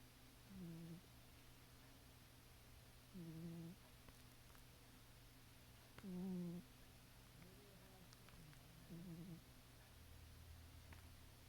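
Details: Cat (Caramel) snoring loudly while asleep: soft, low rumbling noises with each breath, about 20 a minute, over steady background static.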